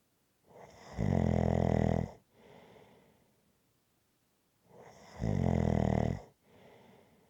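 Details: Loud, deep, buzzing snores on each in-breath with a softer breath out after each, about two cycles in seven seconds; rhythmic snoring.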